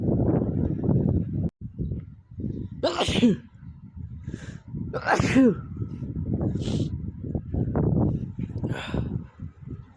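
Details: Male sneeze compilation of random and cold sneezes: several explosive sneezes, some partly held back or stifled, over rustling noise, with repeated sneezing as with a cold.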